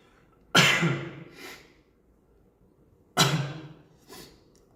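Two sudden, explosive bursts, each followed by a softer trailing sound, with faint room hiss between them; could be coughs or sneezes.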